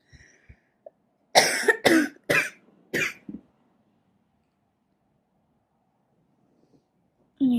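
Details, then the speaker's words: An adult woman smoker who has just woken up and craves a cigarette gives a run of about five harsh, forceful coughs that she says hurt; a smoker's morning cough. "to light this so I can stop coughing cuz it hurts"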